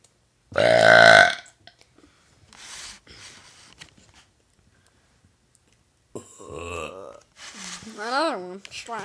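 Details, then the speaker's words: Deliberate burping challenge, a girl going first: a long, loud, voiced belch, then further belches and brief talk in a small room; repeated intentional burping. "What's up? We're about to have a burping challenge. She's gonna burp first."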